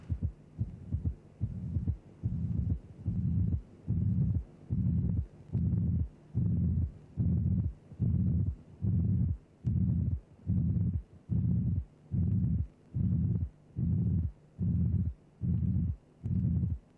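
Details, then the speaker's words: Simulated heart at about 72 beats a minute with a flat pansystolic murmur that obscures the first and second sounds, then a gap and a pathological third heart sound. "so remember when you hear a flat pan systolic murmur followed by a gap and then a heart sound the hard sound you hear will be a third heart sound"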